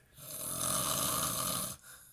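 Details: Man snoring while asleep in a recovering addicts' house; sleep apnea is mentioned. One loud, harsh, rattling snore lasting about a second and a half, then quiet.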